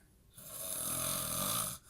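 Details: Man snoring while asleep in a recovering addicts' house; sleep apnea is mentioned. One loud, harsh, rattling snore lasting about a second and a half, heard close up.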